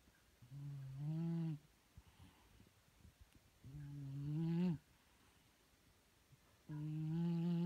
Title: Paris my cat snoring